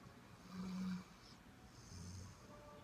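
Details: Sleeping Labrador dog giving two soft, low, rumbling snores about a second apart in a quiet room; snoring.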